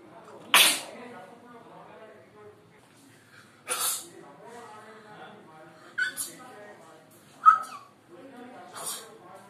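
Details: A child demonstrates types of sneezing: five sharp, noisy sneeze bursts with voicing between them, some likely imitated, with a real sneeze in between.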